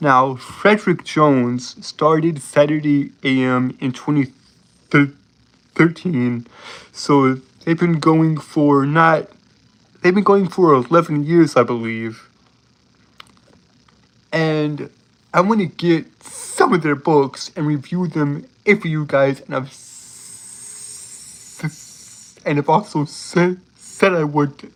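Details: Adult male with a self-reported speech impediment who struggles for a long time to get out a word; speech impediment (stuttering-like disfluency).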